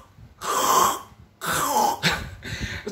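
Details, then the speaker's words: Adult imitating a husband's snoring during night sleep: two noisy, rasping breaths with a short snort-like flutter, in a small room. "bersyukurlah keadaan apapun serius darah ketika suamimu mendengkur misalnya seperti ini ketika dia tidur malam pasti bunyinya seperti ini"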